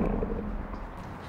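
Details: Woman in an acted film scene, who then says she is hungry, has audible stomach growling (borborygmi).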